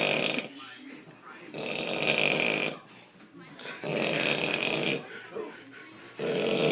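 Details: Loud, harsh, rattling heavy snoring like a bear, about three snores in under seven seconds with quieter breaths between them.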